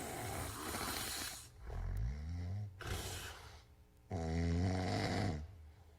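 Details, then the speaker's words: Adult man with obstructive sleep apnea recorded asleep: loud, rough snoring in bursts separated by quiet gaps where he is not breathing. "So you can tell. Like it's very, you have to like listen carefully, but there is a lot of gaps where he was not breathing, which means he's not getting oxygen to his body."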